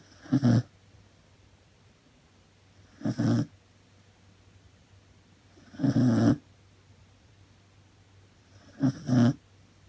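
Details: Dog snoring loudly while asleep at night after running and playing hard at lunchtime: four loud, low rumbling snores about 3 seconds apart, roughly 21 a minute, with quiet between them; snoring.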